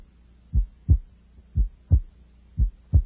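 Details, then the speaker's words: Normal adolescent S1 and S2 over the second intercostal space, with physiologic splitting of S2 into A2 and P2 widening on inspiration; regular paired heart sounds near 60 a minute. "note that the second sound is composed of two components A2 and P2 separated more widely during inspiration inspiration"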